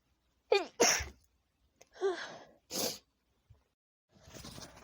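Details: Messy sneezing at night from a woman with a tickling nose, audio stitched from several recordings. Several sharp, explosive sneezes, some preceded by a quick in-breath, separated by short pauses.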